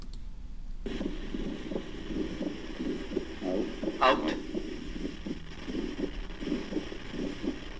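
Muffled, regular low heart sounds in a noisy recording; the second sound stays split throughout breathing, fitting an atrial septal defect.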